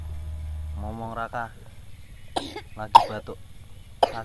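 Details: A child, ill with a heavy cough (flu), gives a few short, harsh cough bursts after brief voiced sounds; an ill child's cough.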